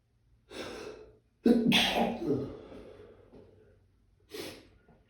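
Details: Allergic sneezing fit in warm weather: sharp inhaled gasps, then a forceful explosive sneeze and a shorter second sneeze.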